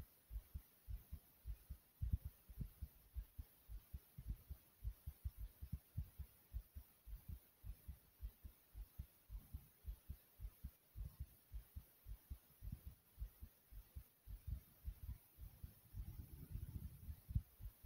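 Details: Own heartbeat with breath sounds: strong, steady, very thumpy low heart thumps, with a soft breath sound rising near the end.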